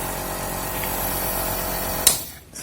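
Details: MedTech Handyneb compressor nebulizer used for a baby's cold and cough: steady buzzing motor hum with hissing airflow that cuts off with a click near the end; a nebulizer compressor running.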